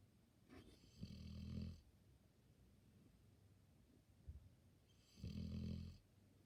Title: Dog snoring for 33 seconds straight